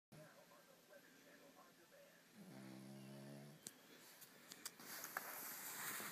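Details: Dog snoring: one drawn-out, droning snore after soft breathing, followed by rustling and handling noise.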